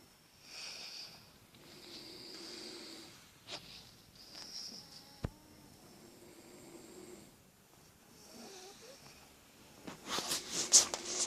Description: Ur gonna hear people snore . LOL